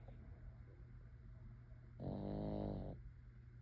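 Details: A single soft, low, rumbling snore about one second long against quiet room noise. Snoring.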